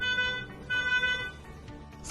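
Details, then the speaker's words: Repeating electronic alarm tones in bursts: the finish alarm of a UniVet HKT100VET veterinary infusion pump signalling the infusion is finished. "when the inclusion is finished the hkt100 will activate a finish alarm click stop here or here to close the alarm"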